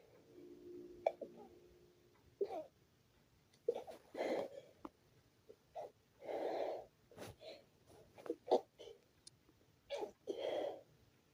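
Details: Stifled sneezing fit: a quick run of about eight short, muffled bursts, some with a held-back "achoo" sound, while trying to keep quiet.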